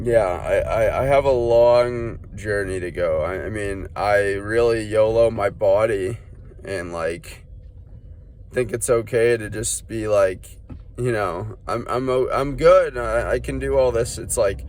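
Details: Stuttering in an adult man, undiagnosed; he links it to feeling unwell, with burning in his head and foot pain, and suspects cerebrospinal inflammation.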